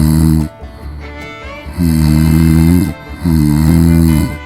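Loud, rhythmic, rumbling snores with steady tone on each breath, over background music; snoring.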